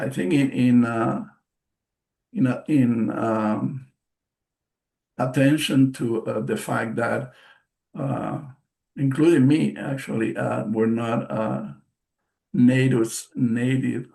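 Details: Adult bilingual man with aphasia after a stroke in March 2020: post-stroke aphasia.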